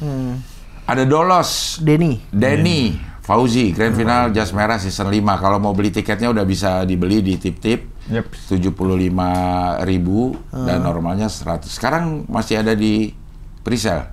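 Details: Adult male speaker; normal speech.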